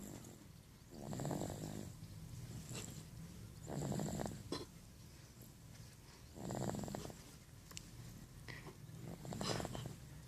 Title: is snoring.